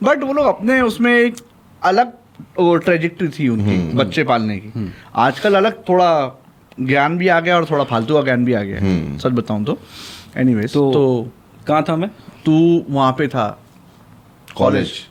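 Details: Adult male speaker; normal fluent speech.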